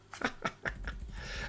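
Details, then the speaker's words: A resting dog snoring in the background of a small room, with several short, rough nasal snorts and a low rumbling breath. "if you can hear some snoring in the background it's my dog"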